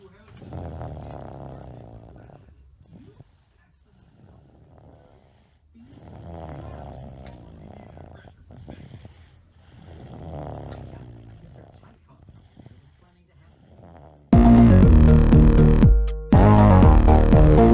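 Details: Sleeping toddler snoring: regular, low, rumbling snores with each breath, about 13 a minute; loud music begins at the end.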